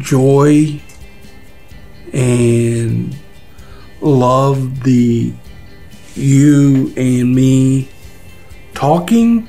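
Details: Nonfluent aphasia in an adult man after a large stroke, initially feared to leave no use of his right side; attends an aphasia recovery program.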